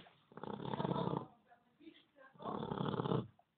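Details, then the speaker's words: Two loud, rattling snoring breaths with a quiet pause between them, from a 2-month-old Labrador puppy napping. "εδώ ποιος κοιμάται [μουσική] εδώ ροχαλίζεις το ξέρεις"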